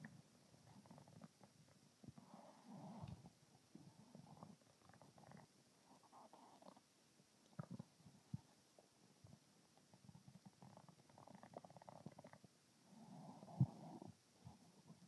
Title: Tummy Noise Series (13)